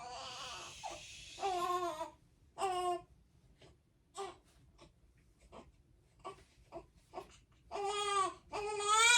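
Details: Four-week-five-day-old newborn daughter described as colicky, crying at night after feeding, burping and a diaper change, in intermittent bursts with whimpers and pauses; a fussy baby who will not settle.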